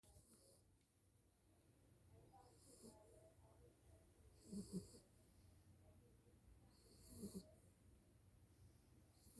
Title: Snoring new mom Dog🐕